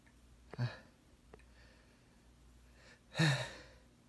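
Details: Male lying in bed just after waking, deliberately making himself sneeze: two short explosive sneezes, the second louder, with a faint breath before, in a quiet room.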